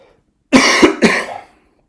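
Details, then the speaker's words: Two sharp, explosive coughs in quick succession from an adult during a lecture, each with a sudden onset and a brief fading tail; a plain cough. "Hear that body again? Keeps coughing."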